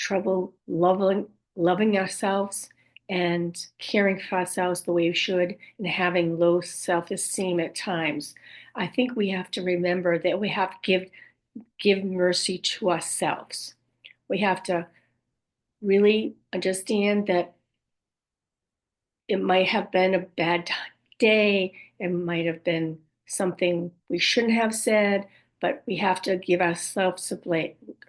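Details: Woman with aphasia and apraxia of speech after a stroke at age 58; she reports speech sometimes hard to understand, repeating words over and over to get them out and sometimes saying wrong words; aphasia with apraxia of speech.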